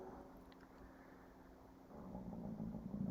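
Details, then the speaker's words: Stomach growling (borborygmi) of an adult: a low, uneven rumbling gurgle swells over quiet room noise in the second half. "That's my stomach growling. I don't know if you can hear it on this."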